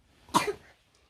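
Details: One short, harsh cough in a quiet room. The whole family had colds with coughs, including a breastfeeding mother, a 5-month-old baby, and an older child with high fever and a swollen throat. Who is coughing is unclear. Cough.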